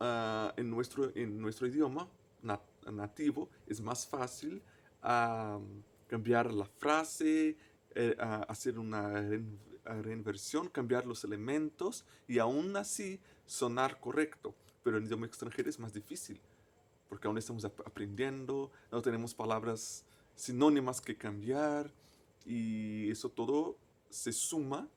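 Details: Man who stutters, a native Portuguese speaker, speaking Spanish as a foreign language; stuttering.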